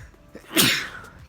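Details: Sneeze during a sneezing challenge of twenty consecutive sneezes: one sharp, hissing sneeze burst after a brief intake of breath, in a small room.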